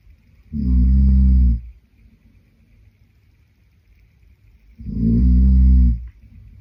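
Two deep, buzzing inhaled snores about four seconds apart, with quiet breathing between: ordinary loud snoring.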